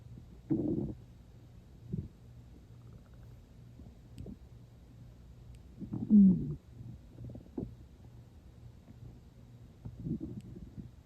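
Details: Stomach growling not long after eating and without much hunger, water drunk toward the end: quiet low rumbles and gurgles over a soft steady hum, with one louder growl midway; bowel sounds.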